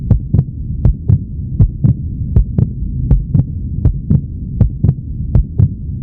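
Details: Normal human heartbeat: steady paired lub-dub sounds, about 80 beats a minute, over a low continuous hum.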